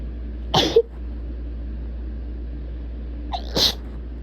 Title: Inducing out a tickle-strong and rapid sneezes